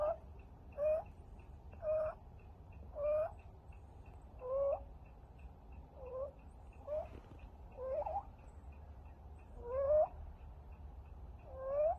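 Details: Stray kitten after upper respiratory infection: high, squeaky chirp on each breath in, about 30 a minute; inspiratory stridor from a narrowed larynx.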